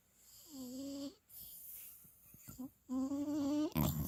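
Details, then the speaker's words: Short, tonal, whiny snoring sounds through a wide-open mouth with lip smacking between breaths, from a young dog sleeping after his first walk following his final set of shots; snoring. "Poor little monkey, after his first walk ever, he's so sleepy. Sleeping with his mouth wide open and snoring and licking."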